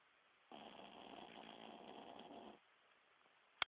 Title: Lucky snoring.mp4